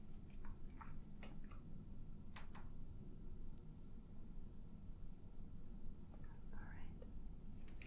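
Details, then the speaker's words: Simulated ASMR audiologist role-play, high/low frequency stage where the listener raises a hand or says yes on hearing a tone: one steady high-pitched beep about a second long with soft rustling and clicks; audiometry test tone. "what i want you to do is when you hear one of the sounds one of the tones you can either raise your hand or you can say yes okay"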